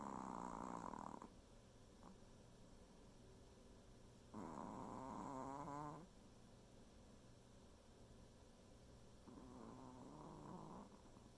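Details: Sleeping dog gives three rattling, wavering snores at regular intervals with quiet pauses between; both household dogs are said to snore; snoring.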